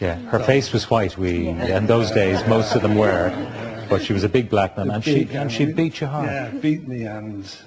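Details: Adult male speaker; no speech disorder.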